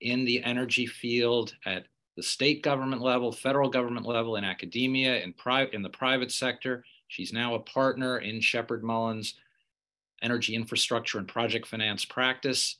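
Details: Adult speaker; Normal voice.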